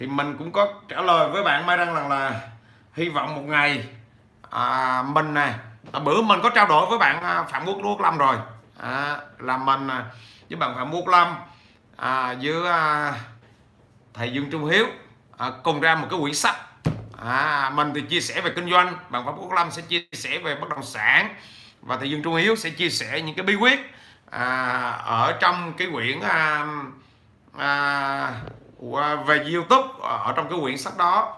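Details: 43-year-old man who has stuttered since childhood; he says it has eased with frequent speaking but persists; stuttering.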